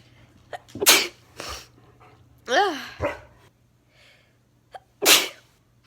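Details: A girl's sneezing attack: several sharp, explosive sneezes in a row, with a short voiced sound between them and a low steady hum behind.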